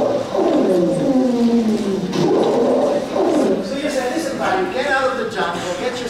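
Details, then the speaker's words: Man with long history of lung disease who smokes cigars, with asthma; continuous musical, whistling tones at several pitches throughout the breaths; polyphonic wheezing of asthma. "this was in his asthma so wheezing F wheezing is now produced like the tone of an organ pip where the diameter and the length correlates with the pach"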